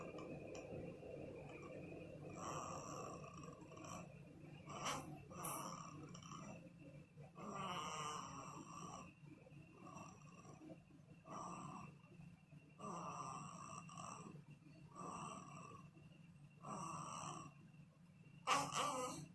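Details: Soft, rhythmic snoring breaths, roughly 25 to 30 a minute, from a sleeping newborn baby: infant snoring.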